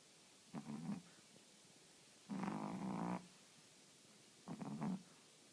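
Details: Three short, rattling snores with quiet gaps between them; typical sleep snoring.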